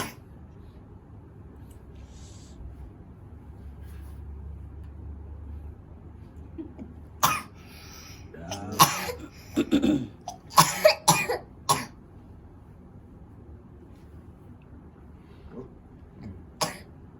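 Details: Person with a cough lasting about a month, recorded during nerve therapy ("terapi saraf telur"): a cluster of several harsh cough bursts and throat clearing over quiet room noise; cough.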